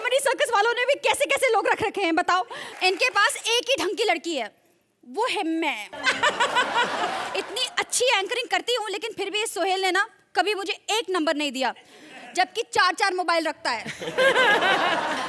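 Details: Adult speaker, high-pitched female voice, comedy stage performance; normal speech.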